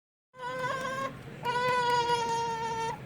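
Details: A baby unhappy while being burped by his father: two drawn-out, high, tuneful wails, the second longer and steadier; an ordinary infant cry.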